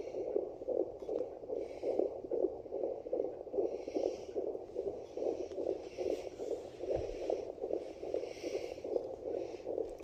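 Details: A first-time home handheld fetal Doppler with gel picks up fast, regular whooshing pulses of about 140–149 a minute: a fetal heartbeat.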